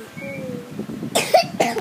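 Two short, harsh cough bursts from a baby over quiet fussing and room noise, a cough in a sick infant.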